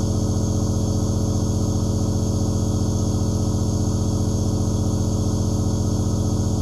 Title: Asmr Nebulizer Aerosol White Noise 1/2 Hour